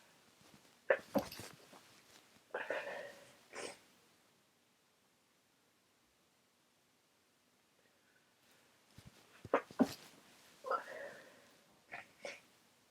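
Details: Person with a very runny nose who can't stop sneezing while trying to get things done: sharp sneezes in two clusters separated by a quiet pause, some preceded by a breath catch; sneezing.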